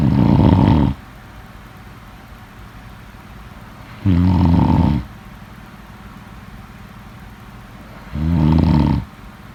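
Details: Snoring.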